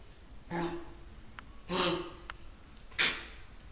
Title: O puppy up all night coughing, poor baby